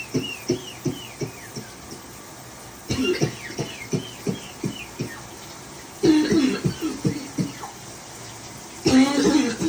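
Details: Cough: repeated short dry coughs in several runs of rapid bursts, with breaths drawn between runs.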